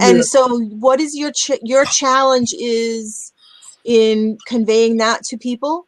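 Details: Adult woman; typical speech.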